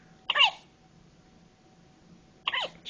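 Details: Newborn 24 hours old with hiccups: two brief, sharp, high-pitched hiccup sounds about two seconds apart in a quiet room.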